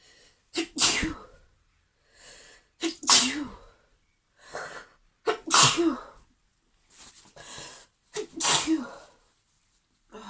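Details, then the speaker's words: Female with a sneezing fit she cannot stop: five forceful sneezes in quick succession, each preceded by a sharp intake of breath. "I just kind of want to stop. Okay. I'm gonna try and stop him. Oh God. Oh, I got a lot to do today. I really want to not keep sneezing."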